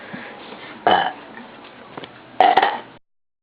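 Two loud, short burps over a steady background hum.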